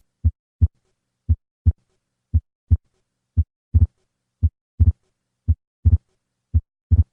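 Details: Atrial septal defect: regular heartbeat about 57 per minute with a soft systolic flow murmur and a split second sound, consistent with fixed splitting of S2.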